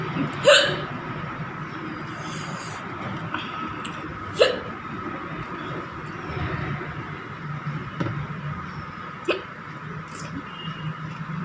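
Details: Real hiccups brought on by eating very spicy green chili with rice and dal: four sharp, abrupt hiccup sounds several seconds apart over steady room noise.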